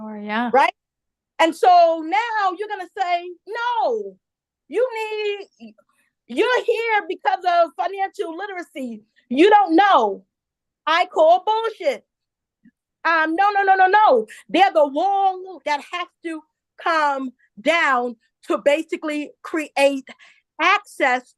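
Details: Adult woman who identifies herself as a stutterer and says listeners will hear her stumble on some words; real, self-reported stuttering.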